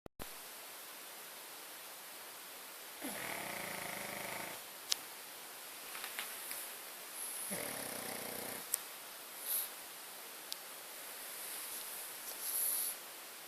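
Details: Pug snoring at night: two soft, buzzing snores a few seconds apart over steady room hiss, with small snuffles and clicks between.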